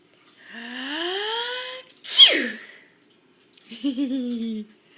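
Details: Mother sneezing while her infant son, a day short of five months old, finds it funny: a rising drawn-in breath, one sharp explosive sneeze, then a short voiced sound.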